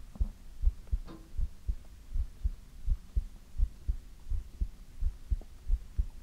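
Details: Heartbeat from an ASMR recording: steady, soft low thumps at about 83 beats a minute with a regular rhythm. Normal heartbeat.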